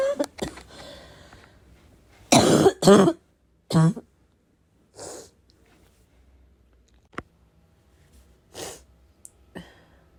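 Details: Heavy barking smoker cough; person unsure whether it comes from vaping or oncoming illness; harsh loud coughs in short bursts with throat clearing and quieter coughs between.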